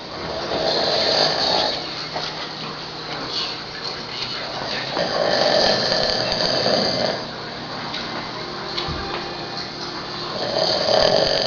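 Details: Snoring from a man asleep after drinking almost a case of beer: rough, rattling breaths rising and falling in slow cycles, with faint room noise.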